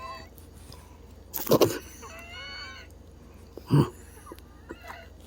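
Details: Loud wheezing of a sister's lungs on 6/9/24: harsh, noisy breaths with a high musical whistle between them, from narrowed airways.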